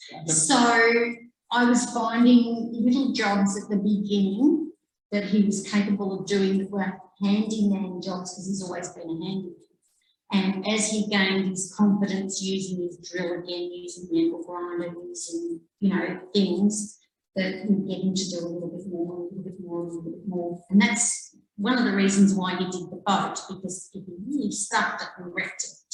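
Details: Adult woman speaking; normal speech.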